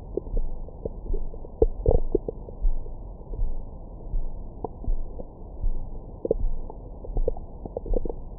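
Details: Abdomen recorded with a Stemoscope stethoscope microphone after a large meal: low gurgles with brief squeaks and pops, ordinary active bowel sounds (stomach growling).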